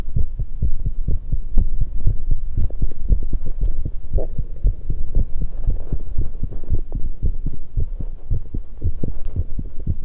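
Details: 19-year-old female, heartbeat recorded after exercise while drinking tea: fast, strong, evenly spaced heartbeats with brief gurgling from swallowing or the stomach; rapid heartbeat after exercise.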